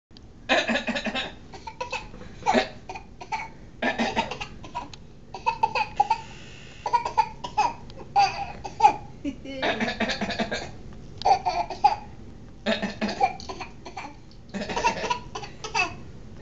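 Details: Young child gives repeated short, deliberate coughs on command, as taught by his grandpa, mixed with laughter; voluntary cough.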